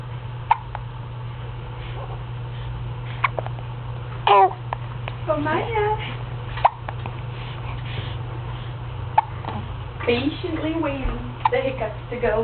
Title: Hiccups Perfected